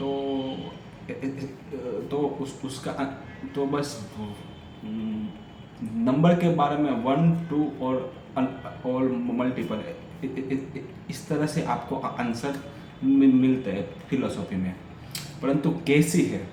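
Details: Adult man with a stammer doing story-telling practice in Hindi on day 6 of a daily stammering practice routine; part-word repetitions are heard; stuttering.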